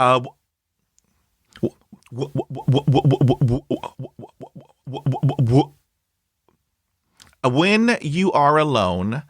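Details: Adult woman who stutters, originally from China, who describes day-to-day changes in her stuttering; stuttering.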